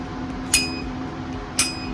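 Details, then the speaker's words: Intravascular lithotripsy balloon demonstrated outside the body in water, inflated to 4 atmospheres: two sharp cracking clicks about one second apart over a low hum, shock-wave pulses meant to crack coronary calcium before stenting. "So this is how the ultrasonic shock waves are produced and will break the calcium."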